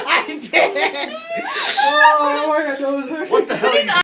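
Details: A single sneeze done with eyes open, presented as a world-record attempt: talking, a rising intake, then a sharp noisy sneeze burst, followed by drawn-out voiced sounds and more talk.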